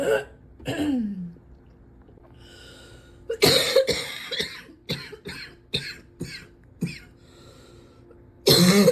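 Repeated harsh coughs with throat clearing and a rough, wet-sounding quality; a heavy, persistent cough.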